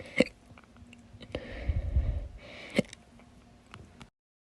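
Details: Slow hiccups recorded September 2022: two abrupt hiccup clicks a little over two seconds apart, with rustling and breath noise between them.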